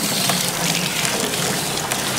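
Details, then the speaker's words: Steady hissing, splashing water spray rinsing breakfast debris from a calm horse's mouth held open by a speculum before a dental exam. "he's just chillin so we're gonna rinse him whatever's in there from the breakfast"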